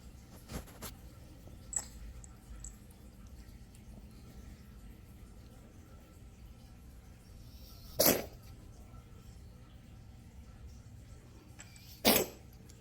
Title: Kitten coughing / sneezing